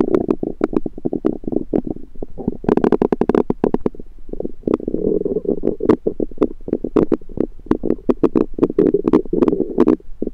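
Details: Bowel sounds of the recorder's own rumbling stomach, recorded with a USB stethoscope: continuous gurgling and rumbling with frequent sharp pops and squelches, active bowel sounds.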